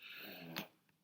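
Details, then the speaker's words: Dog coughing in the background of a lecture recording: a harsh, wheezy cough in a small room, ending in one sharp burst; dog cough. "sorry if you can hear my dog coughing in the background"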